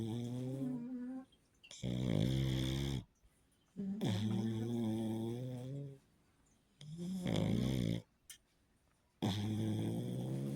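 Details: Loud, rumbling, buzzy snores about one every two and a half seconds from a sleeping pug; typical flat-faced dog snoring.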